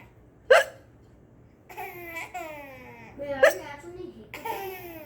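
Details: Baby who finds hiccups funny: two sharp hiccups, each followed by giggling and babbling; hiccups.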